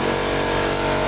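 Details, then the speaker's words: Suction machine switched on and tested before an infant suctioning demonstration: a loud, steady motor roar with a hissing rush. "now I'm gonna make sure my suction machine is working properly by putting it on and testing it out before I actually start the procedure"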